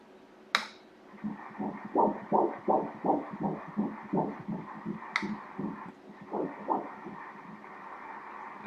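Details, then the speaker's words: Obstetric ultrasound Doppler at 10 weeks' gestation while the fetus moves: rapid, regular whooshing fetal heartbeat measured at 165 beats per minute. "baby is moving the heart rate right now is at... 165 beats per minute, 165 the number comes out here, look..."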